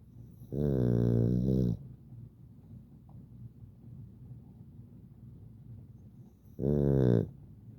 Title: Sleepy, snoring little Boston. this is what we do on rainy days 😴 #bostonterrier